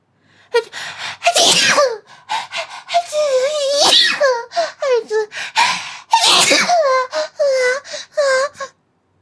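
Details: Streamer sneezing (April 2022): gasping build-up into a loud sneeze, a second sneeze, then laughing.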